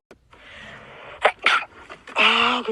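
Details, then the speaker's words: Sneeze compilation captioned as a woman with a cold recording her own sneezes: a hissing in-breath, sharp explosive bursts, then a voiced sneeze sound. "yo resfriada grabando mis estornudos"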